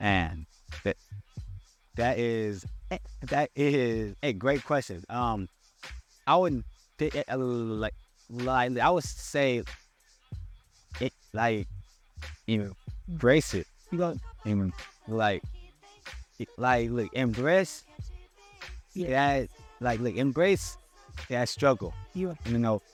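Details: Adult man who stutters and still struggles with his speech impediment, speaking on a podcast; stuttering.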